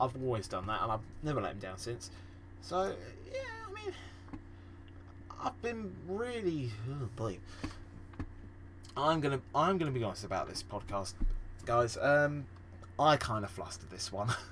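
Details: Podcast host who says he stammers and stutters a lot; stuttering.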